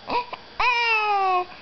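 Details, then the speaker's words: Young child with hiccups, crying: two short fussy sounds, then a sustained, falling wail about a second long. "uh oh are those the hicups oh no we hate the hicups uh oh uh oh"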